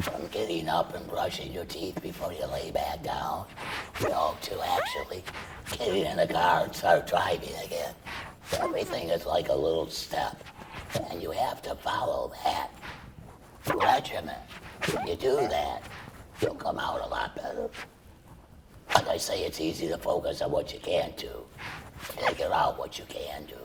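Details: Adult man treated for laryngeal cancer with chemoradiation and then total laryngectomy, speaking through a tracheoesophageal puncture voice prosthesis that vibrates the esophagus. Tracheoesophageal speech after laryngectomy.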